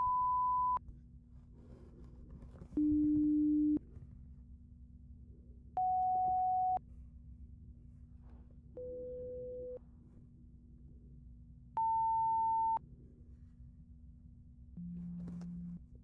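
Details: Simulated hearing exam roleplay through headphones: six separate steady one-second pure tone audiometry beeps at varying pitches from low to high (tests span 174–1000 Hz), played in both ears then the right side, over faint room hum.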